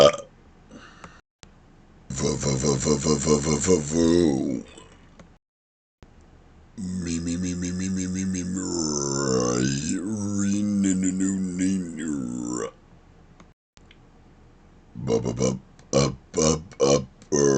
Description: Showing some sounds that are easy to put into burps. Some of them them going into words after. :)